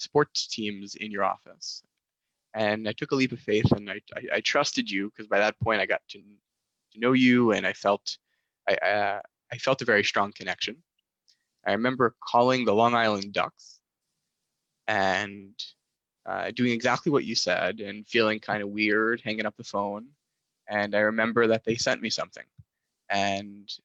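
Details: Stuttering in a male master's student, a proud person who stutters, present since childhood, with speech therapy from about age 10-11; certain situations such as ordering at restaurants still trigger it.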